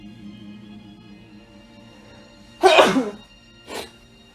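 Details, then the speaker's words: Young male singer sneezing from rhinitis-related nasal itching, not a cold: one loud sneeze followed by a smaller second burst, over soft background music. "아 걱정하지 마세요 그냥 이거는 지금 재채기는 비염 때문에 코가 좀 간지러우면 이렇게 재채기를 합니다 감기는 아니고요"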